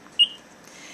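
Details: A single short high-pitched beep as a key is pressed on a Plum IV infusion pump while setting a rate of 100 cc per hour and pressing enter, in a demonstration; the keypad beep confirms the entry in a quiet room.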